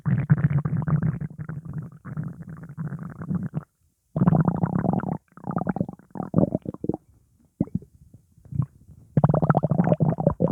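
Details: Loud, low gurgling and rumbling bowel sounds in bursts after eating pizza, attributed to gas; stomach rumbling (borborygmi).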